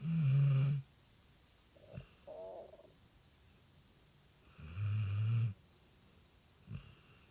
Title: Return of the snore monster